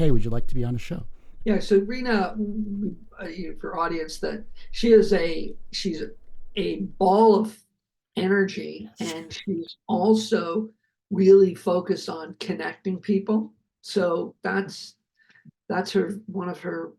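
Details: Adult male producer, a heart attack and aphasia survivor, speaking with repetitions and word-finding difficulty; aphasia.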